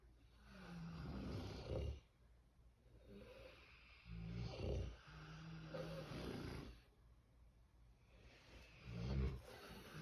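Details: Sleeping pig snoring: deep, rumbling snorts and grunting breaths in irregular bursts every few seconds.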